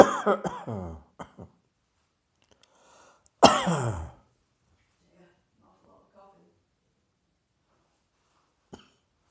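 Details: Adult coughing from dust in the air: quick run of harsh voiced coughs, a pause, then a longer forceful cough and a faint final one; irritant cough.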